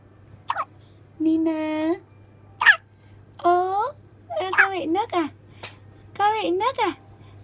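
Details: Four-day-old newborn girl with hiccups: short, sharp hiccup sounds recurring every second or two among soft newborn squeaks and whimpers.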